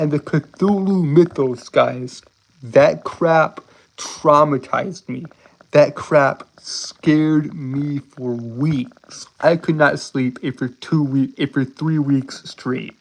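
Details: Male with a self-described speech impediment he says he cannot help; stutter-like disfluency. Finding: speech impediment (stutter-like disfluency).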